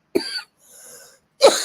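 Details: An adult woman whose voice is going out gives two short, sharp coughs separated by a faint breathy pause.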